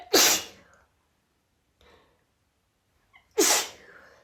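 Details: A female has a sudden sneezing fit with no apparent trigger, recorded after about five sneezes had already happened: two forceful sneezes about three seconds apart, with a faint breath between them.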